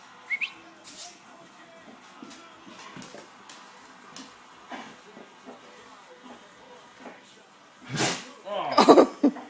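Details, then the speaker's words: Dog at home: faint snuffling and household noise, then a sharp, explosive puff followed by a burst of snorting; dog sneezing. "Louis, that's disgusting. I don't think I've heard the little dog sneeze yet, have you?"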